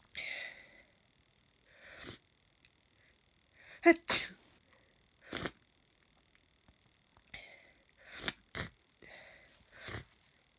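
A run of sharp, explosive sneezes with short breathy intakes between them: repeated sneezing.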